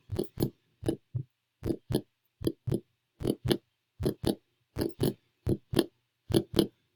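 Steady paired lub-dub beats at about 77 a minute over the pulmonic area in a simulated exam; normal heart sounds, regular rhythm, no added sounds.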